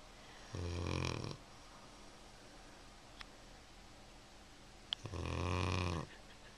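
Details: Two deep, buzzing snores about four seconds apart, quiet in between, while sleeping on a couch, loud enough to hear from the kitchen; regular snoring.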